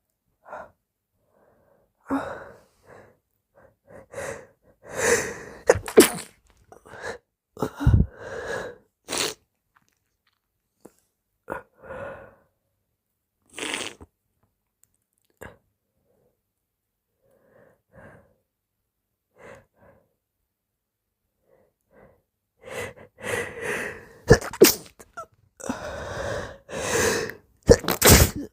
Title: Very wet sneezes + moaning amd whining #sneeze #sneezing #snz